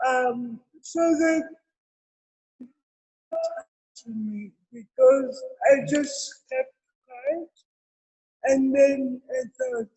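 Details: Adult woman with cerebral palsy present since birth, speaking in an interview; dysarthria (cerebral palsy).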